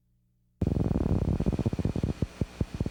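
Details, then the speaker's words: Needle EMG teaching recording: regular, dull, thumping pops from the speaker, typical of positive sharp waves, which are more easily evoked by needle movement and have the same significance as fibrillations, indicating denervation. "In essence, the electrphysiological characteristics and clinical significance of positive sharp waves are identical to those of fibrillations."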